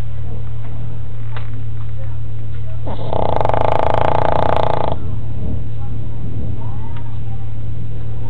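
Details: Sleeping dog, which the owner says sleeps about 22 hours a day: one long, loud buzzing snore lasting about two seconds over a constant low hum; heavy snoring.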